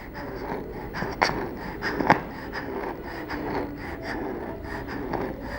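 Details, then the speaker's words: Child's noisy breathing with faint musical whistling on breathing out: expiratory wheeze, not stridor, which is a harsh sound on breathing in. "we heard a wheezing sound when breathing out therefore we decided that hassan did not have stridor stridor is a harsh sound on breathing in this child has wheeze when breathing out"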